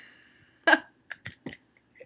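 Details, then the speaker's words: Person with loud hiccups that began after a shower and have lasted about five minutes; one loud abrupt hiccup followed by several small clicky catches of breath while talking; hiccups. "last time I got the hiccups I tried doing a video on your wall but it kept not working and it's still not working on your wall so that's why I'm going to put it on YouTube instead but I can't stop hiccuping right"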